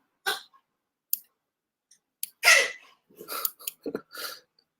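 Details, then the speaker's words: Pet dog gagging, reportedly barfing but okay: short harsh gagging and retching bursts in a quiet room. "My dog is gacking. He's okay."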